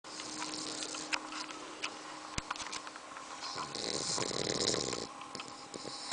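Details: Bulldog puppy aged 2 months 3 weeks snoring in sleep: noisy breathing with a loud, rattling snore partway through against faint room noise.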